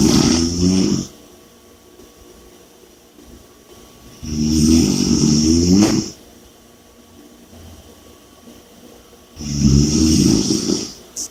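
Loud rattling snores on each breath in, about three in eleven seconds, with quieter breathing out between; heavy snoring during sleep.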